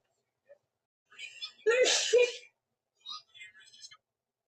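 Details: Woman's sneezing fit, looped edit; she says it is her fourth sneeze in a row: a breathy build-up, then a sharp burst of sneezing with a voiced cry, followed by soft breathy sounds.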